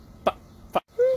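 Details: Two abrupt throat-clearing or cough-like bursts, then a brief steady voiced sound, from an adult male stand-up comedian with Tourette syndrome: vocal tics.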